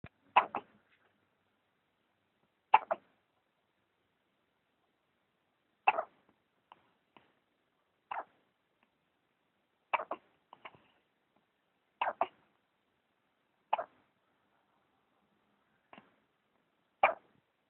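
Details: Baby boy with hiccups after every meal, as also during pregnancy: about nine short, abrupt hiccups at fairly regular intervals of roughly two seconds, separated by silence; infant hiccups.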